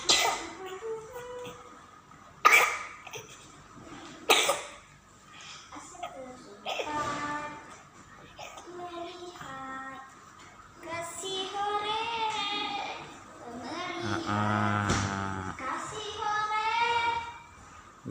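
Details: Baby with pneumonia gives a few sharp coughs, then fussy, whiny cries; cough in pneumonia.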